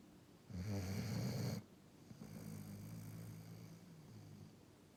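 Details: Sleeping dog snoring: a loud, rattling snore on the in-breath, then a softer rumbling out-breath.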